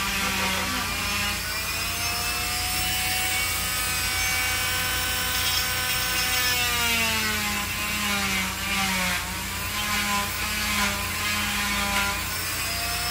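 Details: Oscillating cast saw giving a steady high whine with shifting pitch as it cuts through a cast during removal after an ankle fracture treated with prolonged casting.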